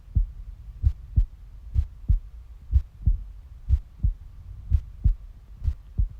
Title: passionate heartbeat sounds